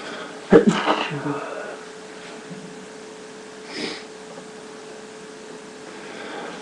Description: Today I had a sneezing attack for my allergy to pollen..Enjoy